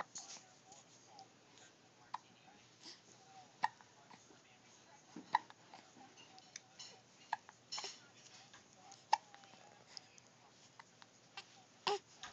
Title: Hiccups Mcgee